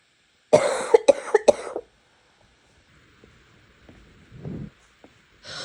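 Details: Repeated coughing during an ongoing September coughing spell: a quick run of four or five harsh coughs, a few seconds of quiet, then another cough starting.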